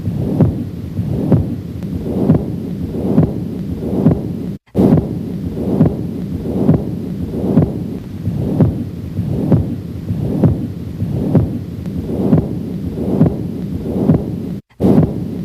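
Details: Patent ductus arteriosus murmur heard at the aortic area on auscultation, with music playing.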